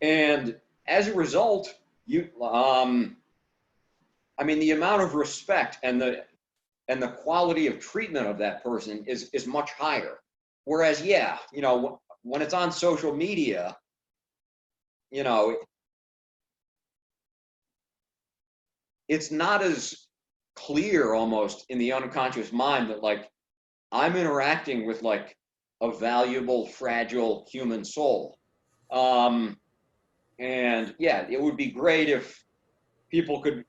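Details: Adult man who stutters, with suspected blocks; stuttering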